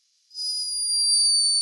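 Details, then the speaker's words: A thin, very high-pitched whistling tone rising and holding for over a second: the snore of a sleeping hummingbird, recorded by a scientist in Peru. "a scientist in peru captured this escaping from the tiny body of a sleeping hummingbird a high-pitched"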